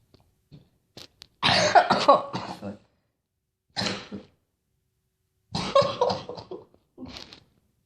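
Several harsh, loud coughs in three bouts with quiet gaps between, the longest a burst of rapid coughs; a plain cough.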